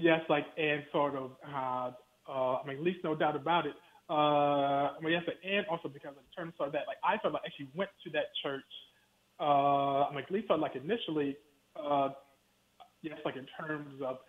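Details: Stuttering in an adult man who reports that he stutters, heard during a phone interview.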